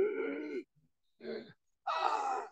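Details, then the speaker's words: Adult imitating croup stridor in a lecture: three harsh, tonal, voiced noises mimicking high-pitched stridor from upper airway swelling narrowing the larynx, often with seal-bark cough in viral upper respiratory infection. "well you've narrowed that passage and so Strider and that seal bark are very common Strider"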